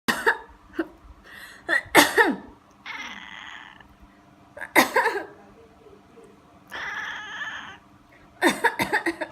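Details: Adult gives several sharp cough bursts while a pet cat, angered by the coughing, answers with long hisses; plain cough.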